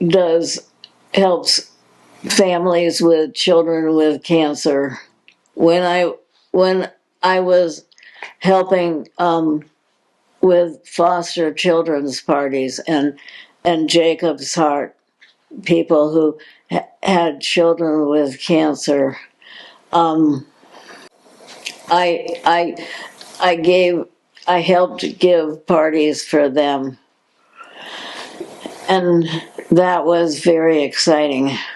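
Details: Adult woman with progressive supranuclear palsy, a progressive neurological disease with no cure, diagnosed in 2020, speaking in her own words; speech disturbance with word and syllable repetitions and hesitations.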